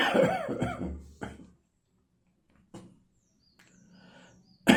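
A few dry, tickly coughs and a throat clear, then quiet breathing in a small room.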